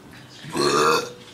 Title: burping contest